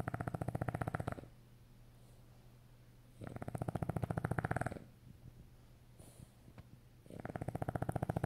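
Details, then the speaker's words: French Bulldog snoring while sleeping. "This is Oscar snoring. He's sleepy. Sleeping."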